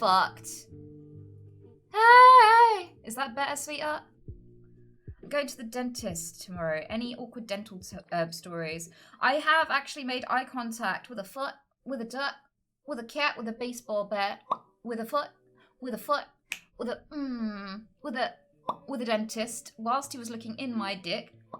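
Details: Woman with Tourette's syndrome, recorded live while streaming; involuntary vocal tics with sudden swearing and word substitutions interrupting her speech; real, not acted; vocal tics.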